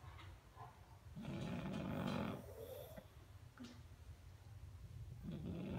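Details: Low rumbling, snorting snores that rise and fall with each breath from a pug sleeping so deeply and loudly it drowned out the TV: snoring.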